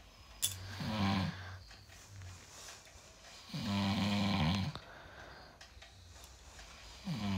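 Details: A husband sleeping indoors snores low and rough on in-breaths, with about three irregular snores over seven seconds in a quiet room. Snoring.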